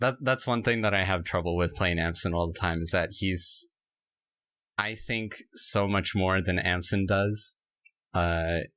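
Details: Speaker who self-reports stuttering that can sometimes be heard in the recording; stuttering.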